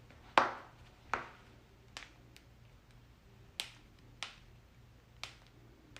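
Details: Several loud back cracks and pops at irregular intervals in a quiet room, from joint cavitation during a spinal adjustment.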